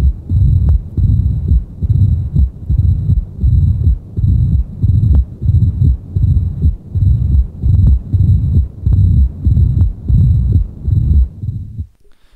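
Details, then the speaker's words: Cardiac auscultation in mitral stenosis: regular low heartbeats, each followed by a low rumbling diastolic murmur. "Una es el soplo de esta ocultación. El soplo que se oye."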